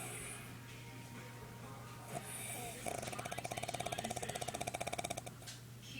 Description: My dad fell asleep on the coach! He snores so loud!